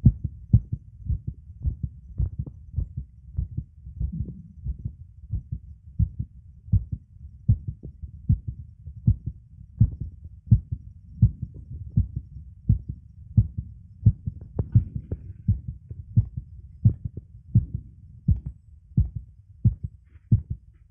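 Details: Fast, strong heartbeat with clear low thumps in a male while pushing and arching his back, quickening with the straining. It was already fast before the push because of an earlier attempt.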